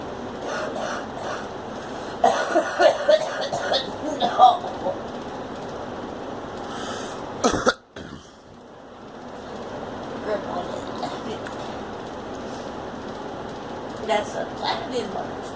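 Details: Girl coughs in short, clustered bursts over a steady background rumble: cough.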